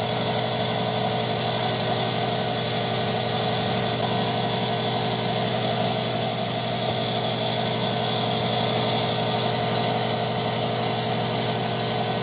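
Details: Vet-prescribed vapor medication for a guinea pig with a minor upper respiratory infection: the nebulizer compressor gives a loud, continuous, steady motor drone with a high hiss while delivering the mist.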